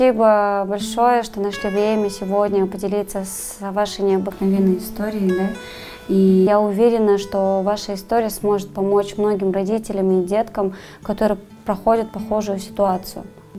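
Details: Adult woman speaking Russian with background guitar music; ordinary speech.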